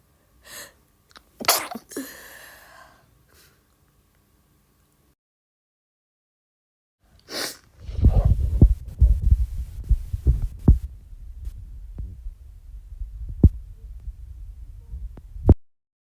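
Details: Two sharp, explosive sneezes several seconds apart, followed by low rumbling handling noise and a few clicks; sneezing.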